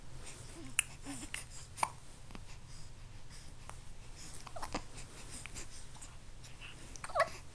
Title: Just being cute with hiccups